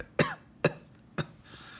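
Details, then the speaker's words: Three sharp, harsh coughs in quick succession, each followed by a short rasp; worsening cough on day 4 of 10-day isolation, fever improving, cough significantly worse. "the fever's reduce the cough has gotten worse and significantly worse it's pretty bad it's pretty bad"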